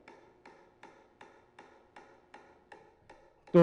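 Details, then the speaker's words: Regular sharp clicks, about 2.7 per second, from a low-intensity shockwave therapy device; painless and non-invasive, the noise is all the patient feels. "lo que la paciente siente es ese ruido no duele no sienten nada diferente al ruido nada más entonces no es doloroso no incómoda"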